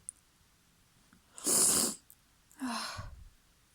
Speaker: My nose is so tickly right now. Oh, I'm so messy. Oh. Oh. I think I need to sneeze again.